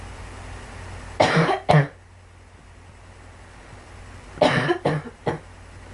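Two clusters of coughs, about five coughs in all, each a short harsh burst, over low steady background noise.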